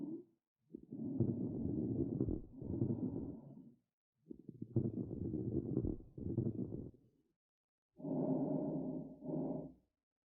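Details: Lung auscultation of a smoker, with bronchial breath sounds, rhonchi and wheezing.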